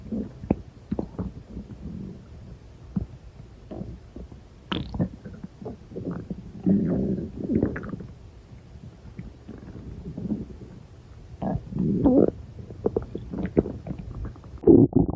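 Irregular gurgles, squeaks and low rumbles from the belly over a quiet background; ordinary bowel sounds of stomach growling.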